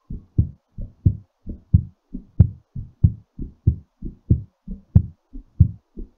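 Crisp, regular lub-dub heartbeat at about 92 a minute, no added sounds. Normal rhythm, slightly fast during recovery from exercise.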